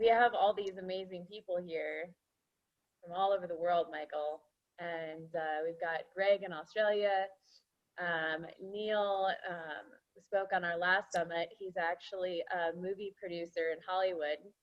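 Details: Adult speaker; normal speech.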